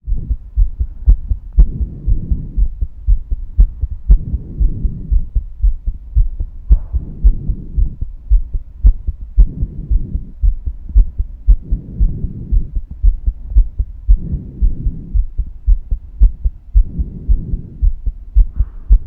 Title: Female heartbeat sound